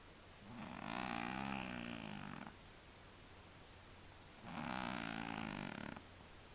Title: Funny Cats Sleep Snoring